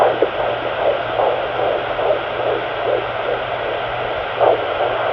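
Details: Fetal heartbeat at 17 weeks 4 days on a pocket fetal Doppler: soft, rapid whooshing pulses over a steady hum, found after searching while the baby keeps moving.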